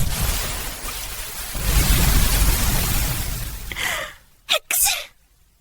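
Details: AI-generated (Sora2) simulated sneeze: a loud rushing noise, then a quick gasping intake and two sharp bursts of air.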